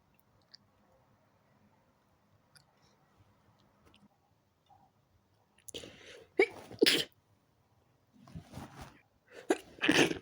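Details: Quiet room, then a run of about five sharp sneezes in quick succession from a person in bed trying to sleep early whose fit began after turning onto the other side; sneezing fit.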